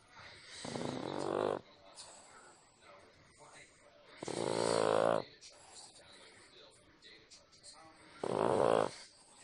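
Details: Person or animal asleep on the recorder, snoring: loud, rattling snores on the in-breath, about one breath every four seconds, quiet breathing between; ordinary snoring.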